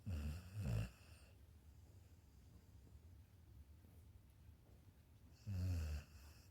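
Soft, low snorting snores from a sleeping puppy, with quiet breathing between them; ordinary snoring in sleep.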